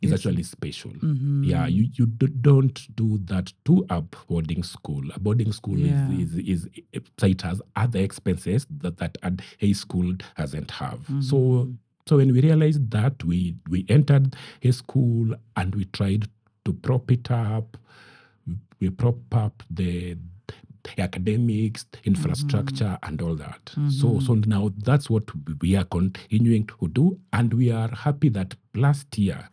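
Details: Adult man who stammers, which he says is genetic, inherited from his mother, and at times acute; word and part-phrase repetitions heard; stuttering.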